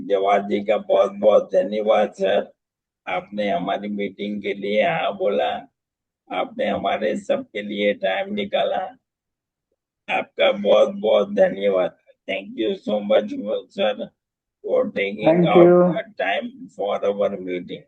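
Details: Adult man speaking; typical speech.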